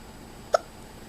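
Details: A 2-year-old girl with hiccups while describing a trip: one abrupt, sharp voiced hic against quiet room noise.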